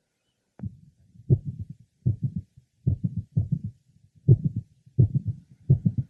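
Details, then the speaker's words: Woman with mitral valve prolapse and straight back syndrome, likely at the apex: a mid-systolic click with frequent premature nodal contractions. "this patient as you recall has a typical straight back in addition to her ulary findings of a mid systolic click and frequent premature nodal"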